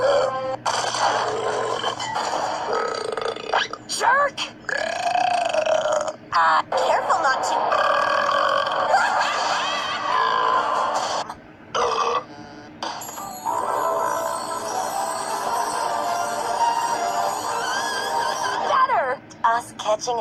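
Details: A compilation of exaggerated comic burps from cartoon clips: long, loud, drawn-out belches with speech and music in the background.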